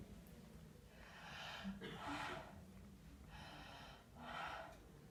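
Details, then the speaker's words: Lung auscultation over the back of the chest, patient breathing consecutively through an open mouth: two soft, even breath cycles with no added noises; normal breath sounds. "Se puede escuchar que los sonidos pulmonares se encuentran normales."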